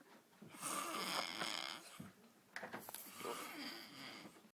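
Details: Loud snoring while asleep, described as a snoring panda: two loud, rough, rattling snores with a brief quiet gap between them.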